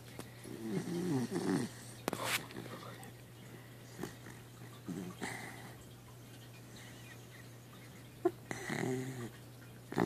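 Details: Dachshund dog sleeping and dreaming with its tongue out: irregular soft snorting snores over a steady low hum with occasional clicks; dog snoring.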